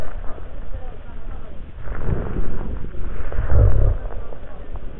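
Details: Respiratory auscultation: low rumbling continuous breath sounds with brief crackling, rhonchi with fine crackles, as judged by at least 8 of 10 respiratory specialists.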